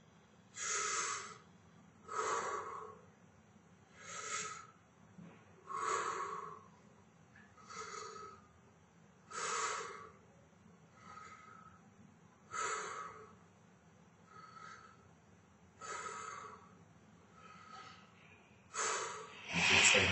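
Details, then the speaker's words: Clinical skills respiratory examination: patient takes steady, deep breaths in and out through an open mouth each time the stethoscope is moved, repeating every one to two seconds; normal breathing without wheeze. "and again if you could take a deep breath in and out every time I move my steps so with your mouth open through your mouth"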